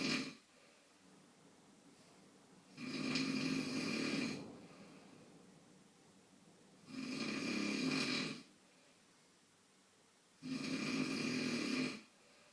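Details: Father snoring during sleep: three loud, rough snores on the in-breath with quiet gaps, about 15 breaths a minute; snoring.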